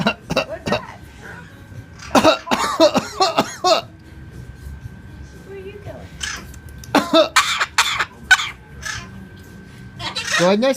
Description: Sully can mimic a person coughing.